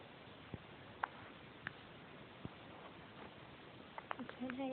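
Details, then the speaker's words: A five-day-old baby boy with soft, sharp hiccup clicks, about seven in under five seconds, in a quiet room, ending with brief infant vocal sounds: newborn hiccups. "Somebody got the hiccups. Keeping him awake at least."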